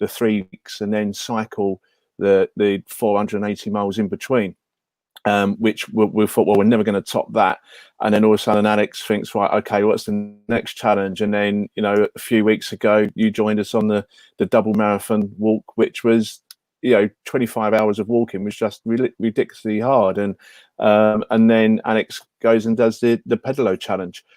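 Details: Adult man speaking; ordinary speech.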